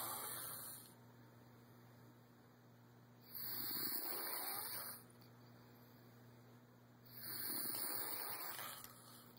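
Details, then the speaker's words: Male who snores loudly and sleeps with his eyes open: slow, noisy breathing roughly every four seconds during sleep, with low room hum; snoring. "Like, first of all, he snores loud as shit, and he sleeps with his eyes open."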